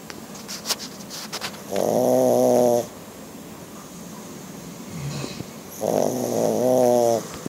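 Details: Black pug snoring loudly while asleep: two loud, buzzing, rattly snoring breaths about a second long with quiet pauses between, snoring in a flat-faced dog.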